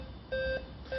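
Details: Two steady electronic beeps from an automated external defibrillator (AED) being demonstrated on a TV news segment, its alert tone prompting the rescuer during use; AED alert beep.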